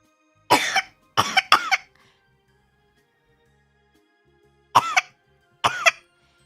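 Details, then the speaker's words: Adult voluntarily coughing on purpose, five short high-pitched deliberate coughs in two groups imitating a baby's cough; voluntary cough, not illness. "Oh no, I'm coughing on purpose now. Am I going to die?"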